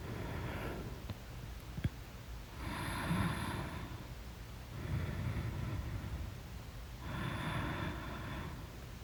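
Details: Rough, breathy snores roughly every two to three seconds over low room noise during deep sleep; steady snoring.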